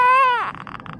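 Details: Newborn girl in NICU during her first bath: a single loud, high-pitched wail breaking off into soft fussing; ordinary newborn cry of protest.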